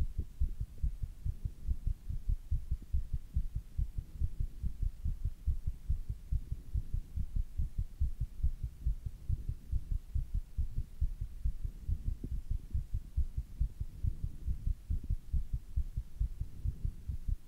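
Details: Fast, steady, deep heartbeat thumps of an adult man right after doing squats; rapid heartbeat after exercise.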